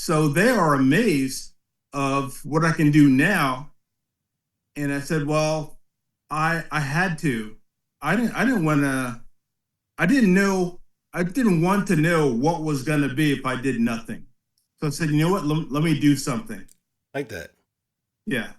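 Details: 56-year-old man with aphasia after a posterior-brain ischemic stroke in 2013, about 12 years ago, which also affected balance and strength; speech difficulties persist and worsen with fatigue late in the day. Aphasia.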